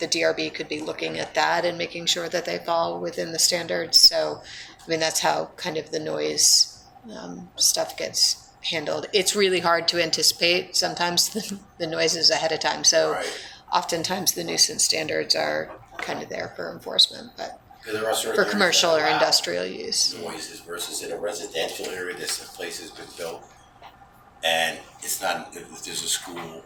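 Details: Adult man with self-reported spasmodic dysphonia, which he calls basically localized epilepsy; he links his voice problem to his years in the ski industry and a cliff fall in an extreme skiing championship that left his throat "gunked up."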